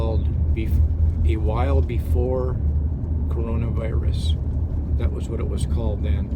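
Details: Adult man who had severe stuttering that still crops up, heard now as stammering and hesitating; stuttering.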